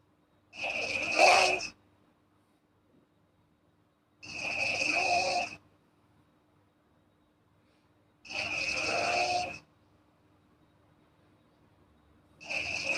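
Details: Girl sleeping, regular harsh, buzzing snores on each breath at about 15 a minute, with quiet pauses between them: snoring.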